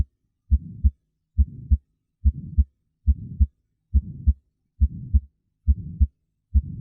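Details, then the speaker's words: Heart murmur in an educational heart physiology demonstration: steady heartbeat near 69 per minute with a whooshing noise filling the gap between the two heart sounds, attributed to a valve not working properly. "a heart murmur is whooshing in the heart due to a valve not working properly if blood strikes obstructions like valves it creates a whooshing noise let's listen to a few different types of murmurs"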